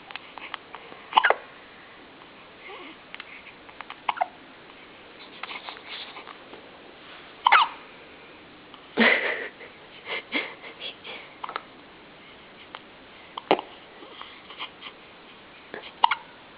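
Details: Baby boy's hiccups, said to sound like a mouse: brief, sharp, squeaky catches recurring every few seconds with soft breathing between; infant hiccups, a normal finding.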